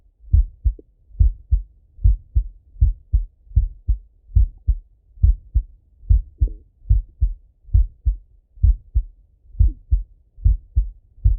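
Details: Normal heart sounds of a male lying on his left side, via stethoscope: clear regular lub-dub, about 70 beats a minute, two crisp sounds per beat, no extra noises.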